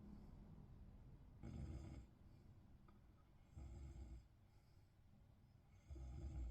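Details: A person snoring in bed: soft, low snores about every two seconds against quiet room noise.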